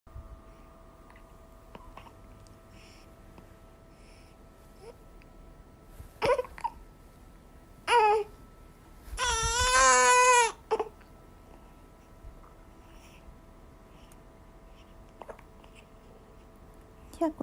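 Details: 20-day-old infant with ongoing hiccups after drinking milk, possibly too much milk: a brief, high-pitched newborn cry of about 1.5 seconds with a few short fussy sounds in a quiet room.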